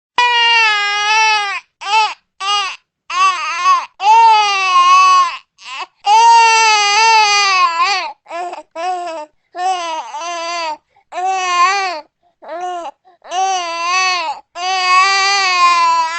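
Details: Newborn baby crying sound effect: short, high-pitched, rhythmic crying bursts with brief pauses for breath between them; newborn cry.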